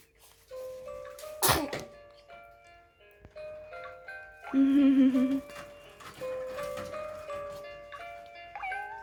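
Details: A single quick infant sneeze over soft background music, followed by a brief baby vocal sound.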